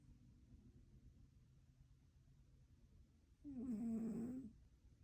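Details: Quiet breathing noise, then one brief, buzzing, whistly snore from a sleeping one-eared cat; snoring.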